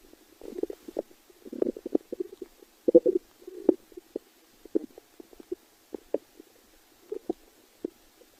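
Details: Stomach growling (borborygmi).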